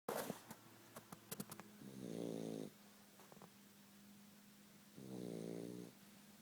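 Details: Dog snoring: two rumbling, buzzy snores about three seconds apart, with quiet breathing and a few faint clicks between them.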